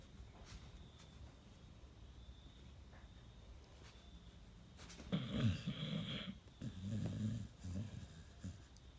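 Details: Sleeping Pit Bull with suspected sleep apnea and restless legs, snoring: low, rough, uneven rumbling snores rising out of quiet breathing.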